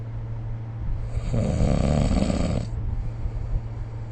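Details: Snoring recorded during sleep with the SnoreLab phone app: a single deep, rumbling snore over steady low room hum.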